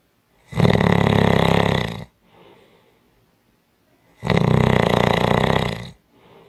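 Loud, harsh rattling snores on each in-breath, about 1.5 seconds long, with quiet out-breaths between them: heavy snoring.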